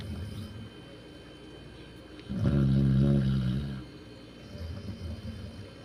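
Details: Dog snoring: one deep, drawn-out rumbling breath over quiet background noise.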